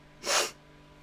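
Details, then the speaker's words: A single short, hissing sneeze from an adult in a quiet room; sneeze. "Sneezing. Oh, no. I was sneezing. Sorry, chat."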